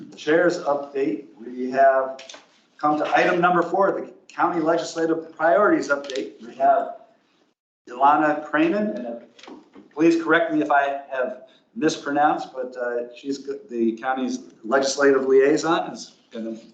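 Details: Adult speaker; Normal voice.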